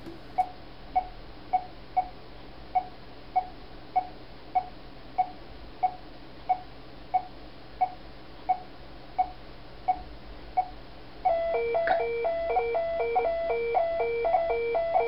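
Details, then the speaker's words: Adult monitoring own breath hold after hyperventilation, with premature ventricular contractions noted; steady monitor pulse beeps near 88/min, then a louder repeating two-tone alarm as oxygen saturation falls to 79%. Pulse oximeter desaturation alarm. "as you can see I managed to desent to 79% which set of the Des set alarm on my monitor"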